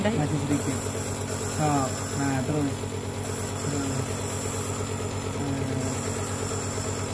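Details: Steady low mechanical hum of a nebulizer compressor throughout, with a child's voice and adult talk over it; a child with cough and cold, struggling to bring up phlegm, receiving nebulizer therapy given by the father.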